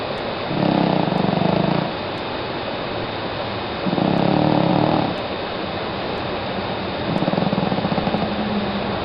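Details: Loud, rattling, buzzy snores from a sleeping female cat, about 13 years old; three snores at about 18 breaths a minute over a steady background hiss.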